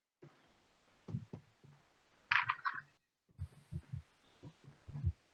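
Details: S4 (atrial) gallop heart sound, presented in a physiology class on the cardiac cycle and its mechanical events.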